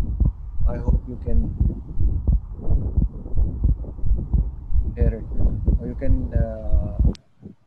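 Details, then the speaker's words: Atrial septal defect short case: a regular heartbeat near 90 per minute with a widely split second heart sound that stays the same on inspiration and expiration, i.e. wide fixed splitting of S2. "तो right side जो है वो flow आपका जब बढ़ता है inspiration और expiration में तो सेम आपका जो है वो वाइड फिक्स स्प्लिटिंग मिलती है."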